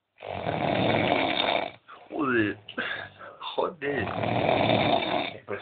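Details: Heavy snoring after a night of drinking: two long, loud, rattling snores with brief voiced sounds between them, in a small room.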